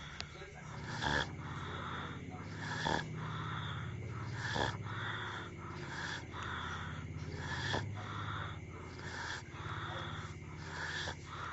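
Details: Sleeping dog: rhythmic rough breathing with snorting pulls roughly every two seconds; ordinary snoring.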